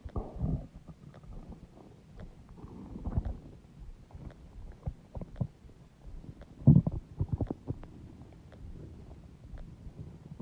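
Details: Loud stomach growling (borborygmi) from an adult's belly: low gurgling and rumbling with bubbly pops and squelches.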